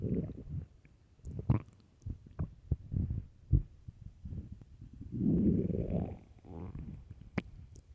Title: extreamy hungry empty stomach growling loudly part 1